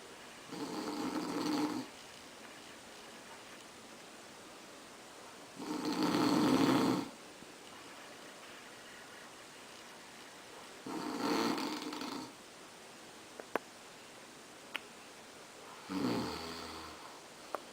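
Four rough, rattling snores, each about one to two seconds long, separated by quiet pauses, at roughly 12 breaths a minute. Typical snoring.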